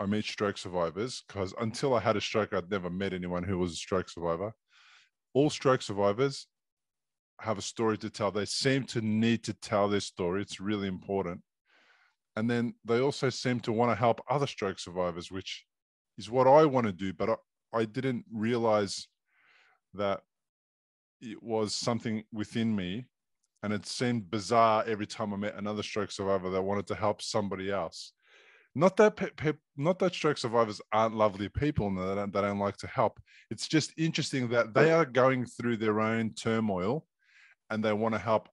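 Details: Adult man speaking; normal speech.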